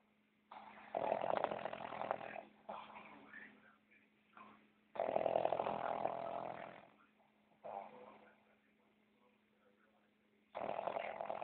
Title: Mao snoring with his eyes open